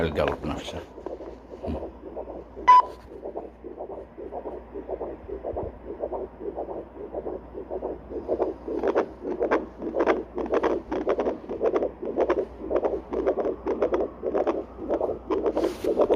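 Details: Handheld Doppler placed with gel on the back of the foot or leg to check the artery supplying the foot: rhythmic whooshing pulses at about 110 a minute; normal pulsing flow signal.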